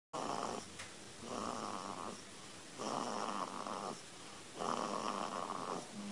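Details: 3-week-old sleeping baby: loud, rough snoring sounds with each breath, about 34 breaths a minute, noisy breathing through the nose and throat; snoring.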